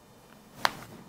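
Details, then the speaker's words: During a seated chiropractic adjustment of the chest and shoulder after a deep breath, a little popping crack is heard as the woman slowly moves her very tight shoulder. "good A little bit of popping just a little crack slowly move the shoulder yeah that one is super tight"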